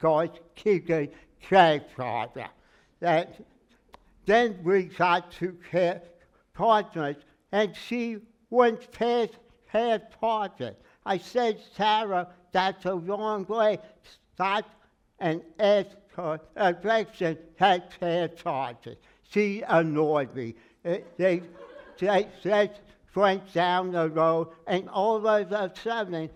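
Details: Aphasia in a man with word-finding difficulty, treated by a speech therapist who had him sing; he says it took 3 years to be able to talk.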